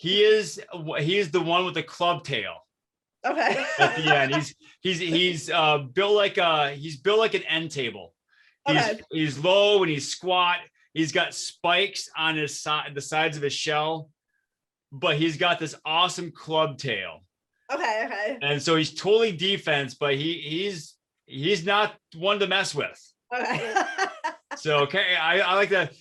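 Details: Adult speaker; ordinary speech.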